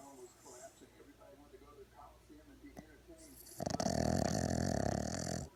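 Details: 4-month-old Boston terrier puppy deep in sleep: soft breathing noises, then a loud, rattling, buzzy snore lasting about two seconds; snoring.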